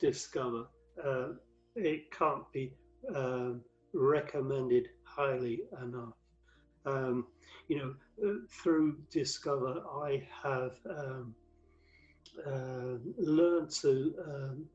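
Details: Aphasia with word-finding hesitancy in a man who had five strokes from 2007 to 2015; the 2013 stroke left him paralysed with aphasia affecting word fluency and vocabulary retrieval.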